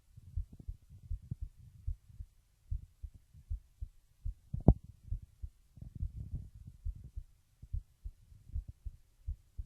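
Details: Heartbeat recorded through a webcam microphone while lying down: repeated soft, low, muffled steady thumps with faint rustle.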